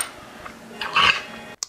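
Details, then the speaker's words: Dog with kennel cough (canine infectious tracheobronchitis): one harsh, forceful, honking cough burst, like a goose honk or something stuck in the throat. "now the most common and classical symptom of kennel cough is a persistent forceful cough which will almost sound like a goose honk or as if something is stuck inside the dog's throat"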